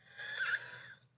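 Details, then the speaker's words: One noisy breath with a thin whistling edge: wheezing in an adult after an allergic reaction, recorded after returning from a run. "I went for a run when I came back I was wheezing I felt like I had asthma"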